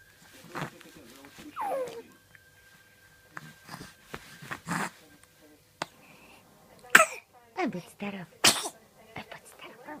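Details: Infant girl on day 112 of life (about 16 weeks old) sneezing: small sharp sneezes amid soft baby sounds and an adult's quiet voice; ordinary infant sneezing.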